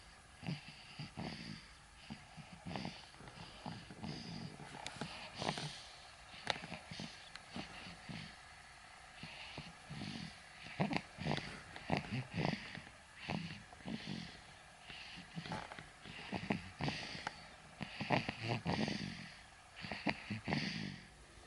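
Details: About 2-month-old (born November 2018) sleeping young animal: soft, rapid, snuffly snoring breaths with light clicks and snorts throughout; mild snoring.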